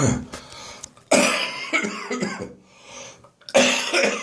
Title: Dry Post-Bronchitis Morning Coughing and Gagging 4